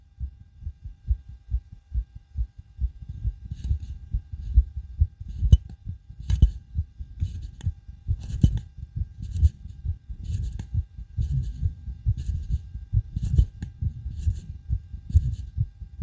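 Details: Heavy, pounding low heartbeat thumps, about 67 beats a minute, recorded through a homemade DIY stethoscope just after backflips and bouncing on a trampoline; a forceful heartbeat after vigorous exercise.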